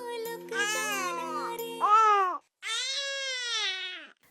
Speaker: The next word is and this means they are sleepy so they make an ovalshaped mouth.